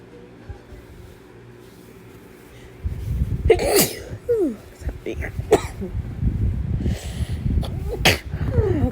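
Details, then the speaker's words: Several short, sharp, partly stifled sneeze bursts with gasps between them after a quiet start, over faint room noise; intense self-induced sneezing. "Oh my goodness, I have to sneeze. Okay. Very intense."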